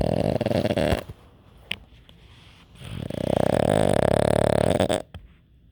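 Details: Two loud, rattling, buzzy snores from a sleeping dog, separated by a quiet pause: ordinary snoring.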